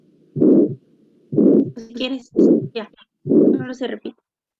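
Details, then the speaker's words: Heartbeats at about 62 a minute, each followed by a high-pitched blowing early diastolic murmur heard at the heart base, louder with the patient sitting forward in forced inspiration; aortic regurgitation murmur, in a rheumatic fever context. "ecogida acción aórtica se va a caracterizar esta va por un soplo diastólica temprano que se va a escuchar en la base del corazón"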